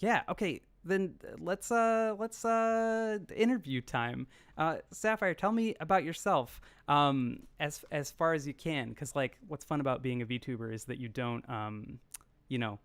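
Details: Adult speaker; normal voice.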